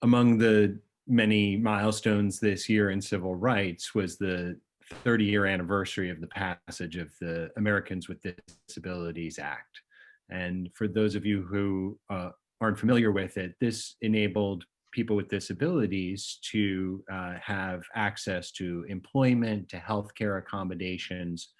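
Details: Adult male speaker; normal speech.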